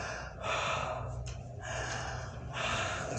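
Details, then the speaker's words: Patient breathing deeply on instruction during chest auscultation: soft, rustling breath sounds, fuller on inspiration and fading on expiration; normal vesicular breath sounds. "la inspiración ahí se escucha perfectamente el mmua vesicular"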